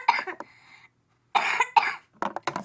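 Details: A young, sick speaker who also has a tooth coming in coughs in a short burst, pauses, then coughs twice more while getting ready for bed.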